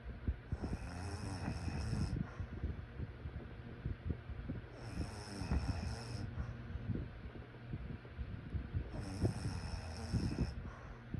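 Low, rattling, snorting breath sounds under a steady room hum, with a high hiss repeating every few seconds. Fits snoring.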